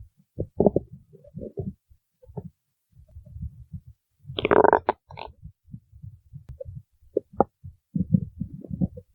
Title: stomach growling 2